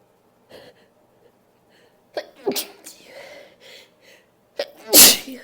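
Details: Short sniffs and a wind-up breath build to one loud sneeze, then a brief exhale, from a female during a nose blowing and sneezing recording.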